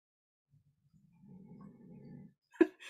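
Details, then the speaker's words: Sleeping female dog after a two-and-a-half-mile walk: a single soft, low, fluttering snore, followed by a sharp crunch nearby; snoring. "I think if you listen carefully you can hear our dog snoring"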